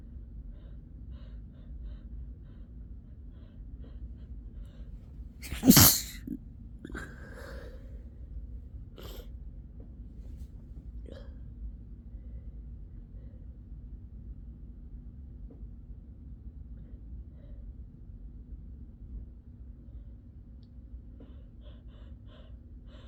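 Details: Single loud sneeze after a brief intake, then soft breathing in a quiet room with low hum; tired, sleepy sneezes, nose blow follows.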